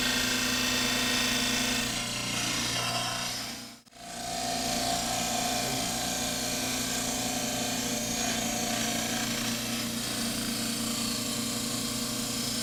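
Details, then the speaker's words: Dental cast trimmer trimming the mandibular diagnostic plaster cast for complete dentures: steady motor hum with coarse grinding and rasping. "the mandibular cast is trimmed in a similar fashion"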